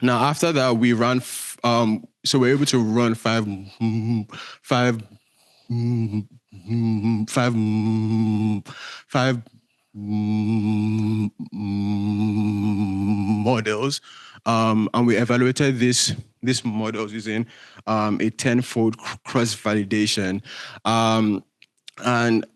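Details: Male speaker with a self-reported stutter that shows as repetitions, prolongations or blocks. Stuttering.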